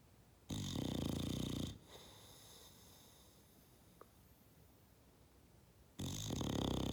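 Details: Sleeping bulldog napping after an idle day: loud, harsh, rattling snores on the in-breath with long quiet pauses between them; loud snoring.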